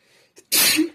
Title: Sneezing and tissues (F)